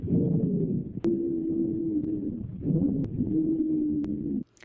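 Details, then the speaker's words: Wheezes (sibilancias) on auscultation: sustained musical, whistling tones, predominantly expiratory, described as from small-airway obstruction. "Si la obstrucción se da a nivel alveolar, se auscultan sibilancias, predominantemente expiratorias."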